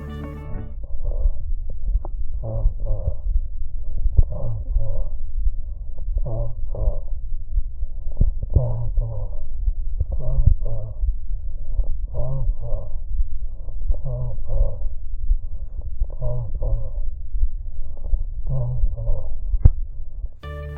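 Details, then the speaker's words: Egophony over a pleural effusion: muffled, repeated voiced syllables through the chest wall with a nasal, bleating quality, higher frequencies and vowels transmitted preferentially. "la eufonía donde el derrame preguntan es laminar parte el sonido logra transmitirse dejando pasar preferentemente las frecuencias altas especialmente vocales"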